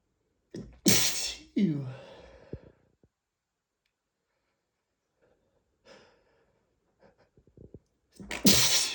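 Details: Repeated sneezing from an allergy flare triggered by dust while cleaning: two loud sneezes in quick succession, then sniffing and snorting, then another sneeze.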